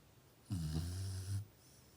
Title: Murphy Snores Alot | My Chow Chow Puppy Snores At Night | Chow Chow Puppy Funny Moments